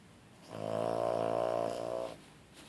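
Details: One long, steady, tonal snoring breath of about 1.5 seconds with a buzzing pitched quality, from a sleeping pet sedated after a quarter tablet of tramadol; snoring.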